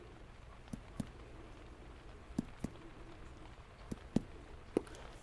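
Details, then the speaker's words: Imitated hyperresonant chest percussion note, demonstrated by soft hollow taps on a puffed-out cheek during a roleplay medical exam; a very echoey tone, described as possible in asthma or emphysema. "you hear that sort of really echoey tone in there that would be our hyper resonance it sounds very echoey in there"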